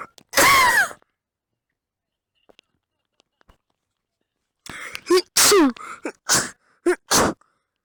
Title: Yey its Bronchits and sneezing part 3